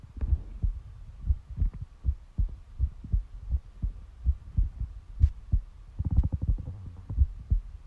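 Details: Heartbeat: steady paired low thumps at about 65 beats per minute, with a faint background hum and some rustling near the end.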